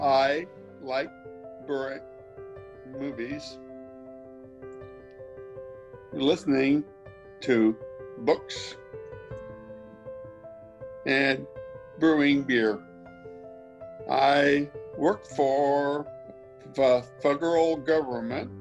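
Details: Severe aphasia in a man after a stroke five years earlier, speaking while using a Lingraphica communication device.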